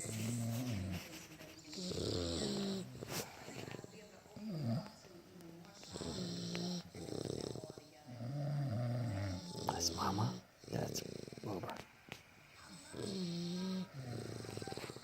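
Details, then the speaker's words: Two sleepers taking turns snoring, with low rattling snores in slow alternating cycles and quiet talk in the room; snoring. "taking turns snoring. You can hear both of them alternating."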